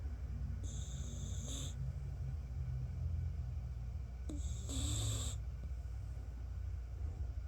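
Soft, low rattling snores in a sleeping puppy over steady room noise; ordinary snoring.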